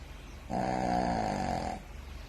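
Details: Snoring: one long, droning, buzzy in-breath snore lasting just over a second.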